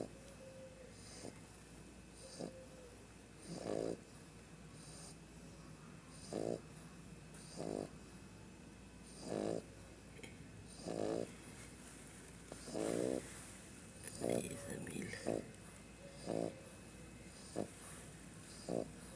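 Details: Mila, a French Bulldog: short snorting snores repeating steadily, about 35 to 40 a minute, against quiet room hum; snoring in a sleeping flat-faced dog.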